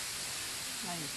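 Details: Simulated tinnitus (ringing in the ear): steady rushing hiss like a waterfall, illustrating what a sufferer may hear.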